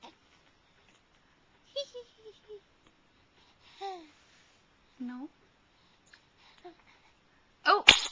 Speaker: o gross that was a juicy sneeze